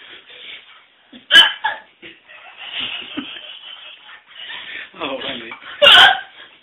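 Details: Woman hiccuping: two sharp, abrupt vocal bursts about four seconds apart among quieter voiced sounds and laughter; hiccups.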